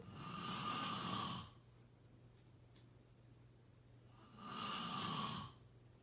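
Two long, airy, rasping snores about four seconds apart, steady and rhythmic, with a low hum in the background between breaths.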